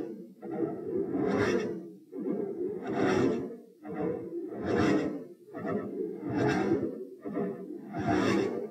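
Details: Heart sounds recorded at position p, played in slow motion to show the waveforms: a repeating beat pattern with an extra click in mid-systole, a midsystolic click.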